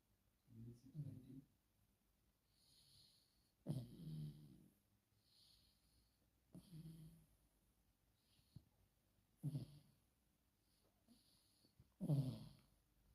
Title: mycutebaby snored ❤️#pets #shortvideo #dogshorts #chihuahua #sleep #sleepsounds #snoring